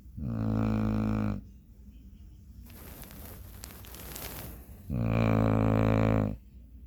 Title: Dog Snores Like Human